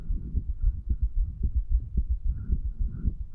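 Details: 35-year-old male's own heartbeat recorded over the tricuspid valve area, placed lower than usual to hear more heart muscle pumping, after medical marijuana and nicotine; low, muffled thumping around 110/min with steady low rumble.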